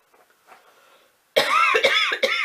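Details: Adult woman sick with an allergy attack after perfume exposure, coughing: three harsh, voiced cough bursts after faint background sounds; a dry, irritated cough.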